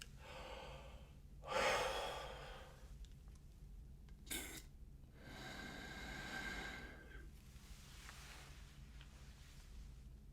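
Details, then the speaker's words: Demonstration of a metered-dose inhaler with spacer: sitting up straight, full exhalation, a sharp puff, then a slow deep breath in held about 10 seconds; proper inhaler-with-spacer technique. "and then you will put this part over your mouth, click the button, and then take a deep breath in and hold it in for about 10 seconds."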